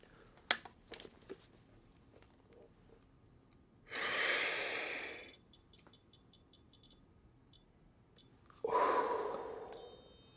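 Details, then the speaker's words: Inhaler training device demonstration in a COPD medication education context: a very fast, deep inhalation, then a run of short beeps, the device's error tone for poor inhaler coordination. "and I don't know if you get that microphone picked it up real well but it gives us a different error or different noise kind of an error tone and tells us that we not only didn't coordinate very well"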